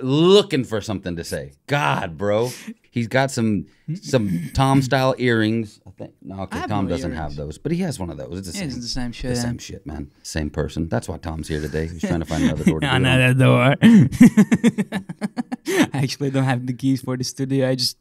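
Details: Adult man; ordinary speech.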